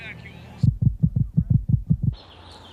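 Regular, low, soft thumping beats in a steady rhythm, with brief background sound before and after; a normal resting heartbeat.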